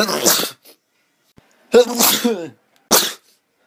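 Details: Sneezing: three sharp, explosive sneezes in quick succession, the middle one with a drawn-out voiced tail.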